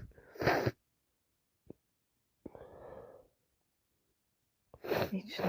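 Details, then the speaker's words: Adult with itchy nose, unsure whether allergies or a cold, producing two sharp explosive sneezes in a quiet room with a brief breathy sound between; repeated sneezing. "Need to sneeze. Really need to sneeze. Oh, it's so itchy."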